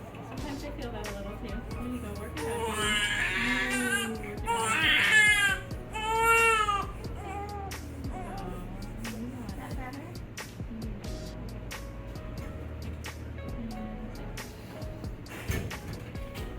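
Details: Newborn baby born after a 47-hour labour, crying during a chiropractic adjustment of the lumbar spine: thin wails that rise and fall in short bouts over soft background music and adult talk.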